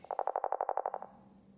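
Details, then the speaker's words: Young male Ruby-throated Hummingbird's heart at rest, about 250 beats per minute: a very fast, even run of ping-like beats, a normally rapid heartbeat for the species. "normally that was the sound of the heart beating at 250 times per minute while resting"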